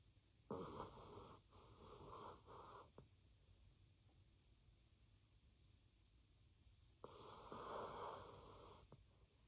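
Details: Sleeping dog, snoring starting about 10 seconds in: two rough, rattling inspiratory snores a few seconds apart with quiet breathing between; snoring.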